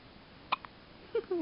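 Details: Dog Charlie has hiccups after eating too fast: a sharp, abrupt hiccup click, then short high squeaky sounds in a quiet room.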